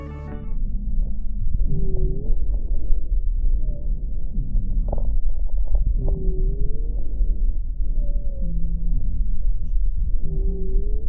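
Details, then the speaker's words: Low-pitched, continuous snoring and groaning sounds over the chest: rhonchi from vibration of airway walls due to turbulent flow through obstruction, sometimes palpable on the chest wall. "rondas es un ruido de baja tonalidad que se produce por vibración de las paredes de la vía aérea generada por el flujo turbulento por obstrucción"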